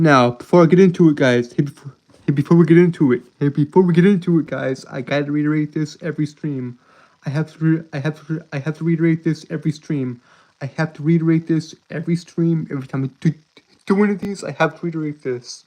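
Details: Adult male streamer with a self-reported speech impediment that makes him stutter and trip over his words; audible repetitions; stuttering.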